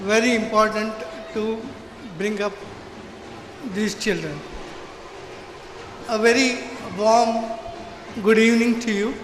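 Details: Adult man with severe cerebral palsy since birth who could not walk or talk as a child; finding: dysarthria due to cerebral palsy.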